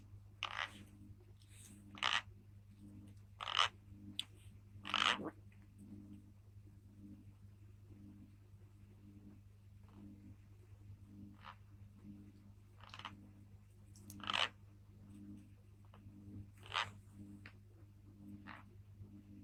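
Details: A sleeping Thai girl with bruxism: short, irregular scraping and clicking bursts of teeth grinding during sleep.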